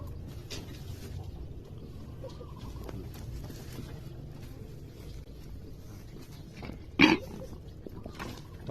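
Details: Productive cough in a goat: one short, loud, wet-sounding cough against steady farmyard background noise.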